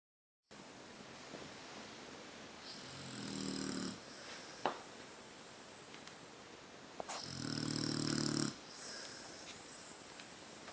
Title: Snoring pit bull